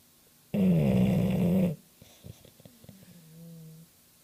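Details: Sleeping dog snoring: one loud, rough, low-pitched snore lasting about a second, then quiet breathing with a soft whistling exhale.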